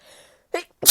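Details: A sharp inhaled catch followed by a loud, forceful sneeze, announced with "I'm gonna sneeze"; frequent recent sneezing, possibly from a new allergy.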